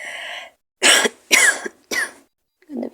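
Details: Adult sick with a cold, sore throat and headache: three harsh, raspy coughs, each a rough burst with hoarse throat noise; cough with hoarse voice.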